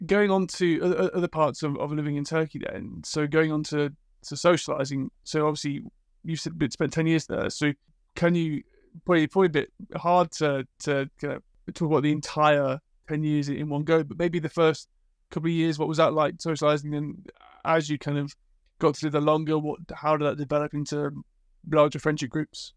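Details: Adult male speaker; ordinary speech.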